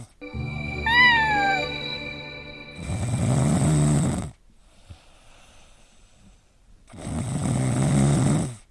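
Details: Snoring from a sleeping pet cat or dog: two long, rough, rattling breaths about four seconds apart, with a brief tune at the start.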